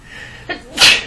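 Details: Girl sneezing, possibly from allergies: short intake of breath followed by one sharp, hissing burst, a single sneeze.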